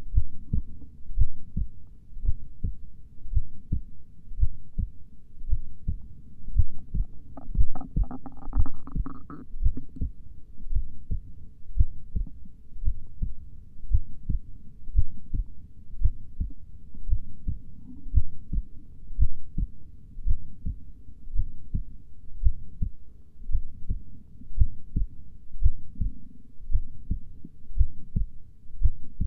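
Steady, deep heart thumps at a slow pace of about 56 beats a minute.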